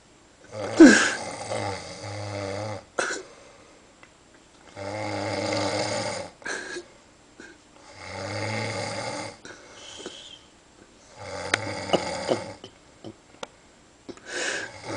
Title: Epic Snoring